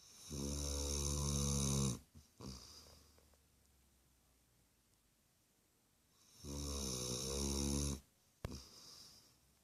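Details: Dog: loud, buzzing, low-pitched snores, each lasting about two seconds, separated by long quiet pauses; snoring.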